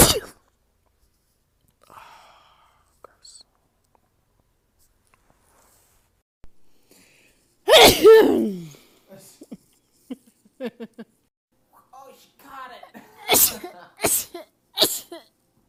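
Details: A big voiced sneeze, then a quick run of three or four sneezes with soft sounds between them, from a compilation of one person's rapid repeated sneezing.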